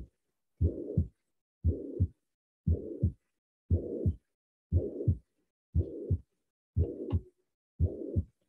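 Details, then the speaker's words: Heart murmur played in a veterinary physiology class during discussion of aortic and pulmonary valve stenosis: regular heartbeat about 58 a minute with a loud, clearly audible whooshing noise filling the gap between the two heart sounds. "aqui é um sopro bem audível então imaginei que esse sopa ele pode ser baixinho"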